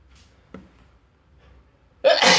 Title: 3.0: You Can (Not) Sneeze Quietly [M, random + induced + cold sneezes]